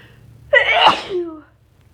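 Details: Deliberately induced sneeze from a very sensitive nose, person possibly getting sick: a brief intake of breath, then a forceful burst of air and voice that trails off.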